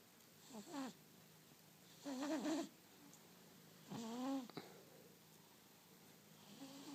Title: Proof that my cat snores almost as loud as my husband